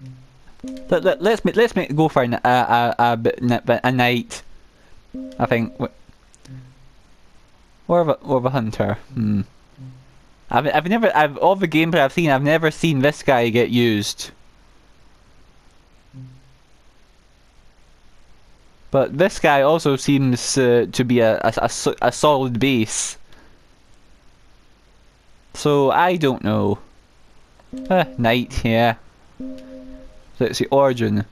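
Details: Male speaker with a self-reported stammer, which he says is especially bad on m and w words, with word and part-word repetitions; stuttering.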